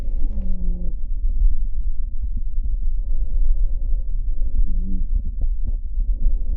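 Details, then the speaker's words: Wheezing example played to illustrate asthma, with musical, whistling tones over heavy chest-piece rumble during breathing; recurrent wheeze, especially with breathlessness, chest tightness or at night lying down, strongly suggests asthma. "어떤가요? 소리가 어 저희가 이제 휘파람 소리가 난다고도 하고요. 어 휘가 나기도 하고 이거는 소리가 사실 다양하게 나기도 합니다. 그래서 반복적인 섹색거림 또는 천명음은 천식의 강력한 의심 신호가 될 수 있습니다."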